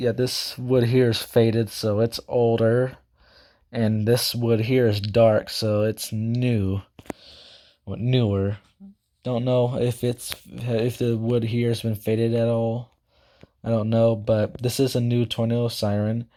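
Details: Self-reported stuttering in a male speaker who also says he talks too fast and cannot speak properly; stuttering.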